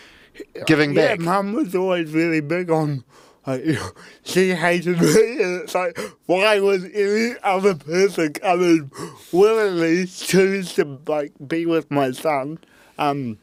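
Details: Adult man with cerebral palsy since birth; at birth his parents were told he would never walk or talk, and he had intensive therapy from birth to age six for walking and talking; dysarthria (cerebral palsy).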